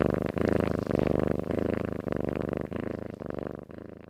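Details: Loud, rhythmic, fluttering rumbling snores in long breaths from a cat sleeping soundly.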